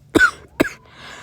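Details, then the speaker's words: Acted story of a boy with a chest cold and dust allergy, coughing after dust caught in his throat while dusting: two short, sharp acted coughs in quick succession, then quiet room noise. "he was dusting the vases and dust caught in his throat and he started to"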